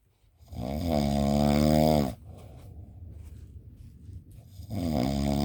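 Long, loud, buzzing snore on the in-breath, then a rough rattling out-breath before the next snore. Heavy sleep snoring.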